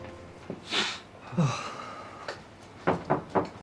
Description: Sneezes from Zhang Sinian from the Chinese drama Perfect and Casual